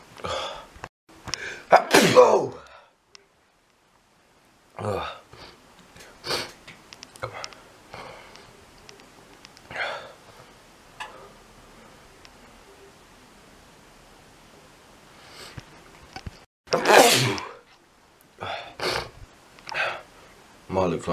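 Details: Adult sneezing forcefully several times after sniffing pepper, eye watering: sharp inhalations and short sneezing bursts separated by pauses.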